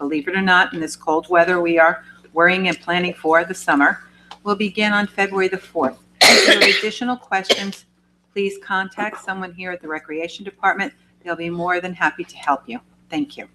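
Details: Adult speaker over a microphone in a meeting room; normal voice.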